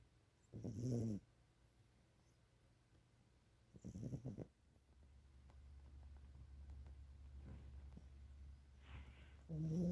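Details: Napping Maine Coon cat gives three low, rumbling snores with quiet breathing between; ordinary snoring.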